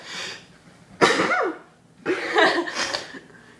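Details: Person sneezing with eyes open as a challenge: a soft breath-in, then two sharp explosive sneezes a second apart, each trailing off with a voiced sound; the sneezer says it sounds like a man; sneeze.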